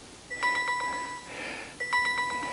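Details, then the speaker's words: Wearable glucose monitor with a bad connection, coming loose as the wearer sweats while working outdoors: two bursts of rapid electronic beeping; glucose monitor alarm. "this glucose monitor has got a bad connection I what that alarm is going off so I got to rip it off and get a new one put on"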